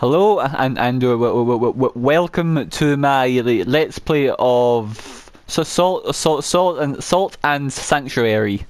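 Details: Adult male gameplay narrator who says he has a stammer he cannot control, particularly on words starting with m and w; repeated words audible; stuttering.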